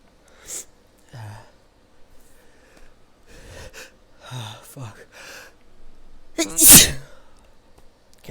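Brief voices and breaths, then a single loud, explosive sneeze with a sharp intake just before it.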